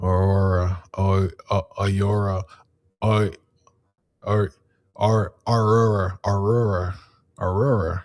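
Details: Adult man repeatedly attempting one particular word, which he says he cannot say because of his speech impediment; speech impediment (difficulty with a specific word).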